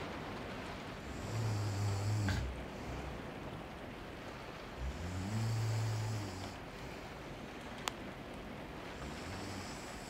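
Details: ASMR ambient mix of a loved one snoring nearby under rain on a skylight with writing sounds: slow, deep, droning snores about every four to five seconds beneath steady rain, with a faint click; gentle snoring in sleep.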